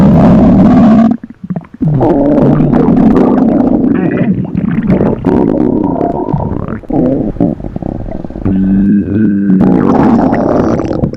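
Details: Loud, drawn-out gurgling and rumbling with tonal squeaks and brief pauses from a hungry stomach; borborygmi, stomach growling.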